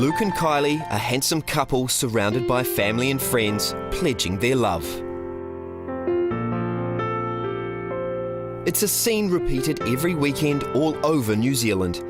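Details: Adult male narrator; normal speech.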